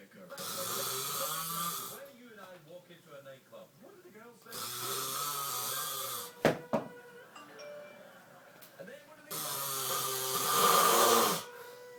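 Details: Three long, harsh, rattling snores from a sleeping husband (adult man), roughly every four to five seconds, with a brief clatter between: loud snoring.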